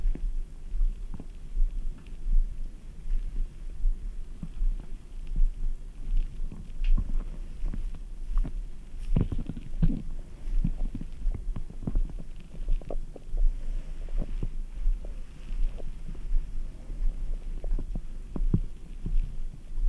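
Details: Frequent low gurgles, rumbles and scattered clicks, continuous over the abdomen after drinking ice-cold Red Bull; active bowel sounds.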